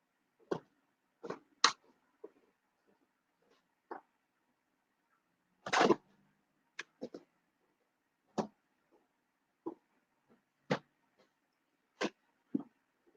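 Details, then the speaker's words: Adult male pet mouse, the father of a litter, making repeated sneezing or coughing noises the owner considers not a good sign; about a dozen tiny, sharp sneeze-like bursts over thirteen seconds in a quiet room. "Yeah, because I could still hear him doing his thing. When I watch him, he looks like he's sneezing or coughing."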